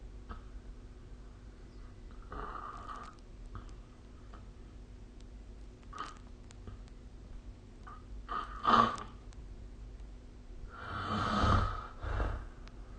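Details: Snoring recorded during sleep with the SnoreLab phone app: irregular low rasping breaths and a few louder snorting snores over a steady background hum; snoring.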